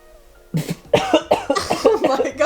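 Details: An adult man recovering from COVID-19 while isolating at home, with his illness past its worst, gives a run of about seven rapid coughs that he tries to stifle, with faint music behind; COVID-19 cough.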